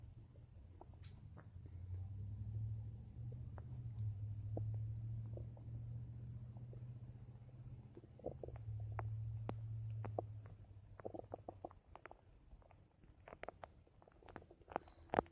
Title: My Stomach Making Noise 3